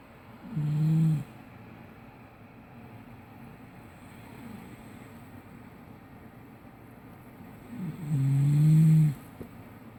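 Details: Male sleeper, who denies snoring, heard from the living room: two deep, low rumbling snores about eight seconds apart over a steady background hum.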